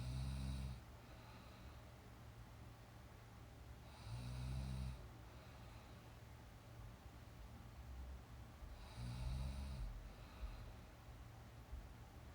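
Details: Young woman asleep during a nap, real recorded snoring: soft, regular snores on each breath, about 14 a minute, over steady room hiss.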